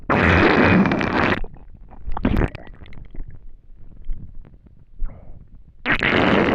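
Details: Loud gurgling rumbles and squelches from an empty stomach after not eating for a day; ordinary hunger borborygmi.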